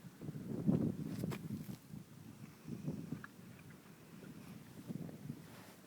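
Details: A horse at rest snoring: soft, low fluttering rumbles recur every two seconds or so with each breath, with faint outdoor background noise.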